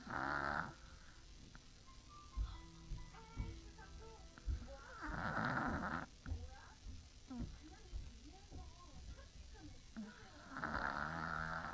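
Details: Heavy snoring from a sleeping Chihuahua: three loud, rasping snores on the in-breaths, about 12 breaths a minute, with quiet gaps and soft background music.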